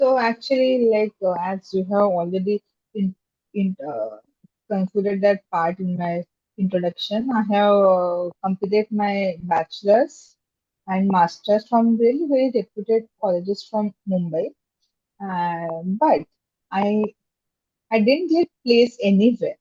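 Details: Adult woman who has stammered since becoming aware of it in seventh standard (childhood onset), speaking in a podcast interview; stuttering (stammering).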